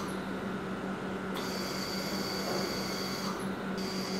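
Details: Bird pressure-limited ventilator on a practice test lung, with inspiratory flow rate adjusted for an inspiratory time of about 1.5–2 seconds: a steady mechanical hiss of inflow lasting that long.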